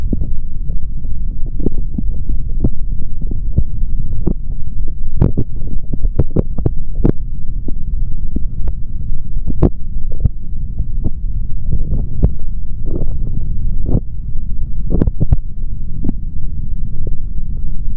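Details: Adult male heartbeat heard through a stethoscope placed on the chest, recorded for ASMR without talking: muffled low thudding under a steady rumble, with scattered scratchy stethoscope clicks; normal heart sounds.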